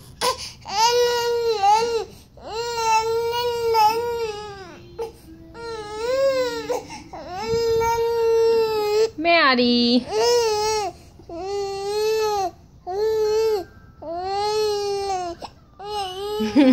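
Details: Tired, teething baby: repeated high-pitched wailing cries with brief breaths between; infant cry.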